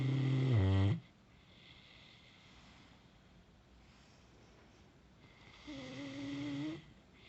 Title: Thought wife was snoring... Nope the dog is!